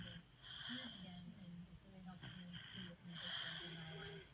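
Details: Playful father-daughter snoring contest: two whistly, rattling breaths in a quiet room. Snoring.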